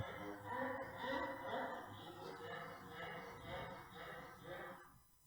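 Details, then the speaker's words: Pug with laryngeal collapse from brachycephalic obstructive airway syndrome: high-pitched, squeaky noisy breathing repeating about twice a second; stridor. "you get a Strider when the larynx collapses and we do grade the laryngeal collapse in different ways depending on severity oh and it's this noise it's a high-pitched noise"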